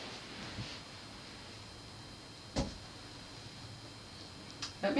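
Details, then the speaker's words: Nurse percussing an adult patient's back over all lung fields: soft taps give a hollow resonant note, the normal percussion sound of air-filled lung. "and on normal lungs you expect to hear a resonance sounds which means there's air and that's what I am hearing right"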